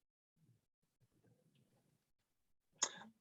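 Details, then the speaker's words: Faint low murmuring, then one short harsh throat-clearing burst with a brief voiced rumble, from an adult with a cold: throat clearing. "sorry by the way i've got a bit of a i've got a bit of a cold so my apologies if i'm you know clearing my throat or whatever if i sound a bit funny"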